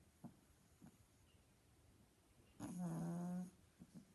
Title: Pug snoring loudly |sleeping pug |mickey the pug